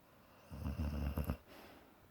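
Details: A sleeping dog giving a single deep, rattling, low snore lasting under a second.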